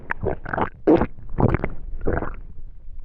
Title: Digestion stomach noises